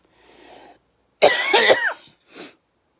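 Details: Adult with a chest infection with coughing up of blood, under palliative care: after a rough indrawn breath, a harsh cough burst with whistling wheeze tones, then a smaller cough.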